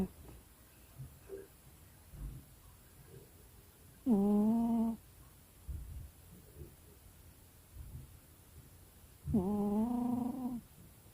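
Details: Sleeping pet cat snoring: two drawn-out, slightly tonal snores about five seconds apart, with soft breathing between.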